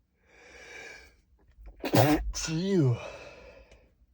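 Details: Male stifling strong sneezes: a short held-back breath, then a sharp muffled burst with a voiced tail; stifled sneeze.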